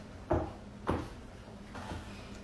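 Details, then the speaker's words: Two sharp dull pops then a fainter third as a person cracks their own lower back, sitting on a chair's edge with tailbone on the edge and relaxing; harmless joint cavitation. "okay so a really easy way to crack your lower back this is how i started to do it is like you sit on a chair and then you kind of slide to the end and you put your tailbone on the end of the chair and you just have to like relax and like let yourself just like really relax and then it'll just crack"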